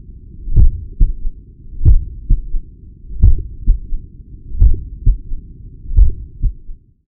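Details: Heart sounds at the apex recorded with a Stemoscope digital stethoscope: slow, regular paired heart sounds at about 44 a minute, with a low rumbling murmur and an extra third sound; third heart sound (S3) with heart murmur.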